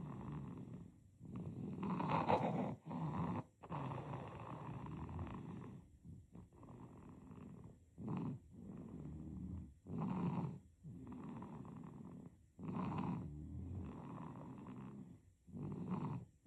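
Soft, rattly, purring noisy breathing repeating every couple of seconds during sleep: gentle infant snoring.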